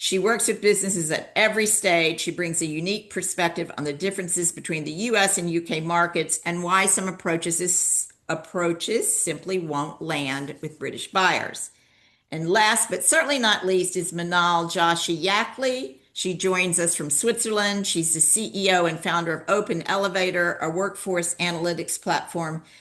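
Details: Adult woman speaking; normal speech.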